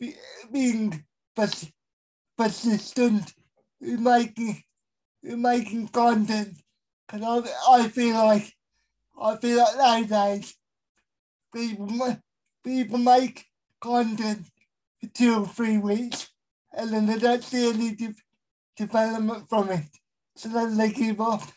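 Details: Dysarthria in a male with a severe type of cerebral palsy, real.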